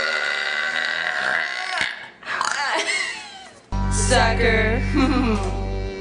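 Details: Long, loud, rumbling deliberate belches from girls in a burping contest, over background music and chatter.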